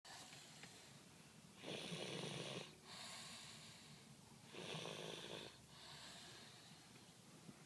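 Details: Snoring in a car: two harsh, raspy snores on the in-breath with quieter out-breaths between and faint vehicle noise behind; snoring.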